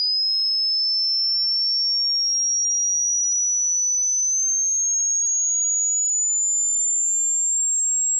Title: Hearing test